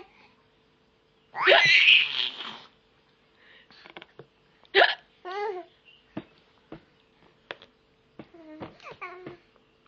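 Short, abrupt throat catches repeat among an infant's laughs and babbling; hiccups.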